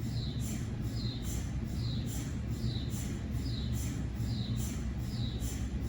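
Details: Cardiac MRI sequence on a GE 3T scanner with 8-channel cardiac coil, test phantoms rather than a patient: regular rapid chirping pulses about two a second over a steady low hum; MRI gradient noise.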